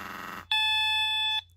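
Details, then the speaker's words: Prevena Plus 125 disposable negative-pressure wound vac, used after hip surgery, being switched off by holding the button: faint room noise, then a steady high electronic beep of about one second. "Hold that button down. Let's turn it off."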